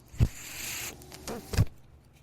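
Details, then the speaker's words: The speaker's own mechanical ventilator, heard in the background of a podcast recording; mechanical ventilator noise. "hello everyone my name is that noise you're hearing is my ventilator welcome to only what you take with you"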